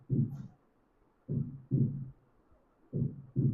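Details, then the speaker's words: Normal heart sounds from a clinical cardiology teaching seminar, heard at the apex and aortic areas: paired low thuds of the first and second heart sounds, with no extra sounds or murmurs between them. "This first sound, this second sound you see in the aotic, this is normal, not abnormal sound."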